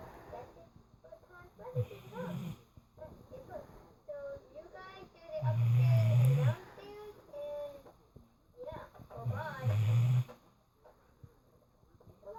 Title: Penny the snoring staffy!